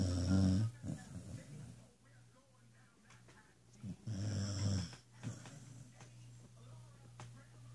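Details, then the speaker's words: Dog snoring louder than the TV and keeping a house-sitter awake, snore gradually getting louder: two loud, low, rattling snores a few seconds apart with quieter breathing between; snoring. "no you're snoring MO will you please stop snoring so I can watch my TV please"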